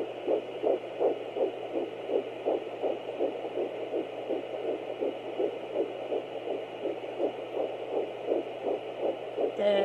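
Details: Fetal heartbeat at 10 weeks 3 days of pregnancy on Doppler: rapid, regular whooshing pulses, 164 beats a minute.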